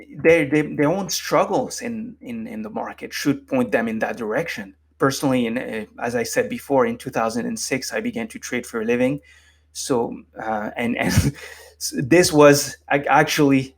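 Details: Adult man with lifelong stuttering, formerly unable to form a coherent sentence without repeatedly stumbling, now managed with meditation so it is barely audible; stuttering.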